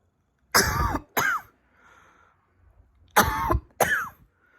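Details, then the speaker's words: Adult cough, recorded December 2021 indoors in an apartment; the person attributes it to frequencies targeting the lungs: four harsh, forceful bursts in two pairs separated by a short quiet gap in a quiet room. "that is from frequencies to my lungs"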